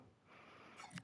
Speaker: Again, I apologize if you hear the dog snoring in the background.